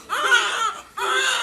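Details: Newborn boy, born about a month early and weighing about 3300 g, crying just after birth: two short, loud, high-pitched cries, clear and strong; a normal healthy newborn cry.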